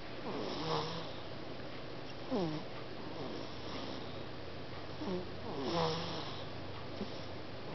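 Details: Infant snoring softly and squeakily, with four brief whistling, falling-pitch breath noises over steady quiet room hiss.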